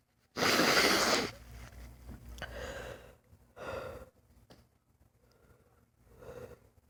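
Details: Person with lifelong sudden sneezing fits lasting 3-5 minutes, not allergic and without itching: one loud explosive sneeze, then several smaller sneezes and breathy snorts in quick succession; paroxysmal sneezing fit.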